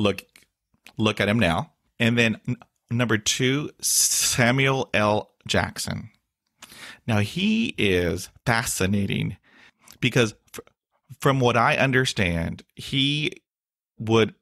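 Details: Stuttering in an adult male with blocks, facial tics and years of speech therapy; word and interjection repetitions are heard.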